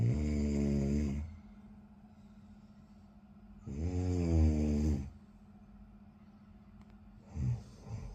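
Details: Loud, rattling low snores on each inhalation, about 16 per minute, with quiet pauses between breaths and a steady background hum.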